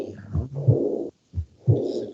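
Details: Low heart sounds followed by a soft blowing, aspirative murmur that starts loud and fades in diastole, typical of aortic regurgitation (aortic insufficiency).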